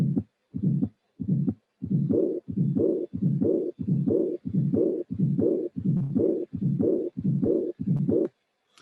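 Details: Aortic regurgitation teaching example: normal beats at about 90/min at first, then a soft, short systolic flow (companion) murmur peaking early without a gradient, then a high-frequency diastolic regurgitant murmur of aortic regurgitation.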